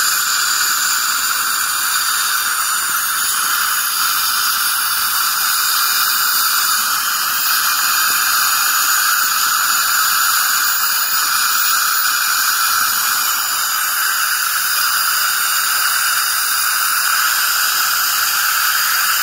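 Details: Ultrasonic scaler used during dental scaling to remove plaque and tartar: a steady high-pitched hiss and whine, with water spray and suction.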